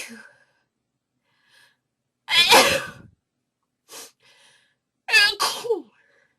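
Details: Two loud, explosive induced sneezes, the second a quick double burst, with a short breath catch between them in a quiet room; sneezing.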